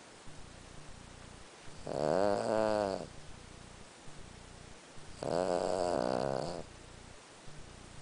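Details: Two long, loud, rattling snores a few seconds apart with quiet gaps, from a sleeping 14-year-old Lhasa Apso dog; nightly snoring.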